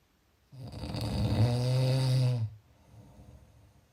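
One long, low, rattling snore on an in-breath, followed by quiet.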